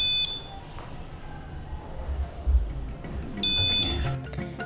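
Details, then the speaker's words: Pulse oximeter sensor-disconnected alarm during a preventive maintenance check, triggered by unplugging the sensor: two short bursts of high electronic alarm tones over low room noise. "l'autre alarme qu'on vérifie c'est lorsqu'on débranche le capteur notre appareil déclenche une alarme pour nous indiquer que le capteur est déconnecté"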